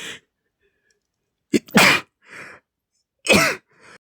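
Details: Adult male after accidentally inhaling dust from bags in a shed: a quick in-breath followed by two sharp, explosive sneezes with brief after-breaths; dust-triggered sneezing.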